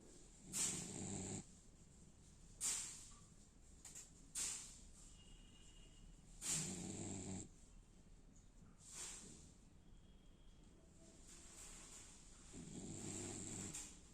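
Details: Irregular, rough snorting breaths with hissy air noise, roughly ten a minute, over steady background noise: snoring.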